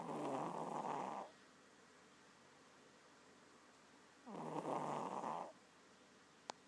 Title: Booz Snoring